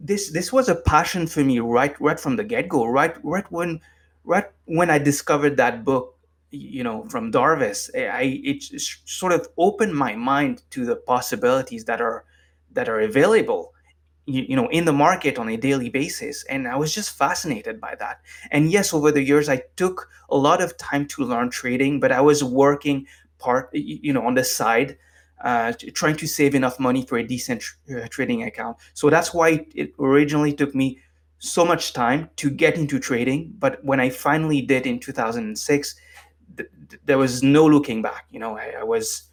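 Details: Adult man with lifelong stuttering, formerly severe, now managed with meditation so it is barely audible; stuttering.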